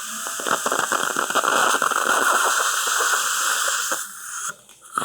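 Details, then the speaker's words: Loud whirring, grinding drill chatter for about four seconds as a pilot drill cuts into the upper jawbone of an anesthetized denture-wearing woman, for the first of six 2.0 x 13 mm mini dental implants; implant pilot drilling. "And we're going to go ahead and make our p first pilot hole. So we're going to start right here."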